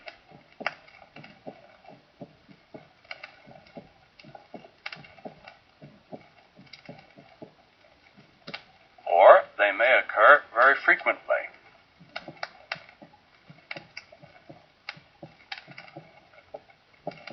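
Sharp heart sounds at about 60 a minute with an uneven rhythm, some beats arriving early, fitting premature beats; a brief burst of other sound midway.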